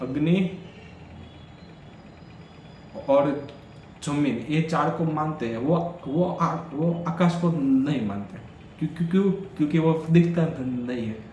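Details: Adult man who stammers, on Day 4 of his daily stammering practice routine, counting backwards from 100 as fast as he can: stuttering.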